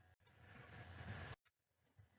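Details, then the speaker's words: A single loud, low, rumbling snore from a sleeping female dog, heard in the background of a recorded lecture. "I'm really sorry, my dog is snoring so loud right now, so I'm sorry if you can hear her."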